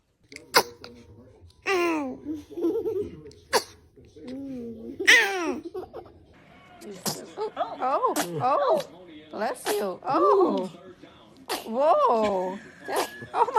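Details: A baby's small sneezes while adults laugh and say "bless you", with music in the background.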